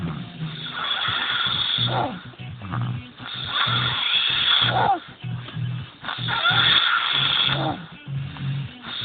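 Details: Male snoring: loud, rattling snores with a throaty flutter, about 20 a minute, somewhat irregular; heavy snoring.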